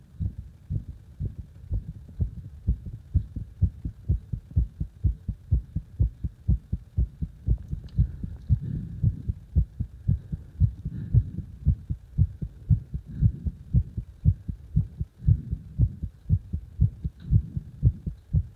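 Strong, regular low thumping heartbeat at about 118 beats a minute, with faint steady hum behind it.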